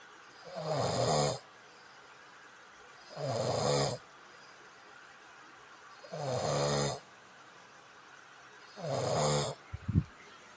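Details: Snoring that disturbs a bed partner: loud, rattling snores on each breath in, about 22 a minute, with quiet pauses between them.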